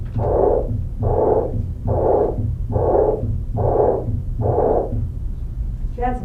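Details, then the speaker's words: Early diastolic murmur of aortic regurgitation, teaching recording: loud, high-pitched, blowing murmurs repeating steadily at about 71 a minute, unusually loud for this murmur; a brief voice follows. "38 early diastolic aortic regurgitation murmur the turbulent blood flow associated with the backward flow of blood across an"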